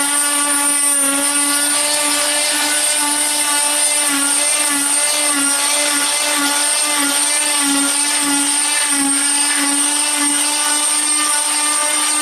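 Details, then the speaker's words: Oscillating cast saw bivalving a fiberglass foot cast with a rocking in-and-out punching motion: loud steady high-pitched motor whine with rhythmic dips. "so you'll notice what i did there is i just did that's kind of a rocking motion in and out in and out in and out and that's the easiest way"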